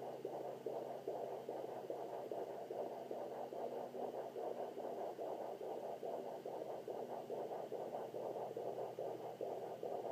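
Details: Fetal heartbeat on a Sonoline B fetal Doppler at 27 weeks 3 days of pregnancy: rapid, regular whooshing pulses about 143 a minute, normal; very active baby, kicks toward the end.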